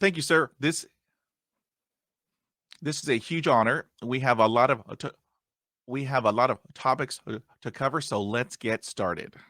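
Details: Adult man who stutters, still getting hung up on words after 20 years of speech therapy; stuttering.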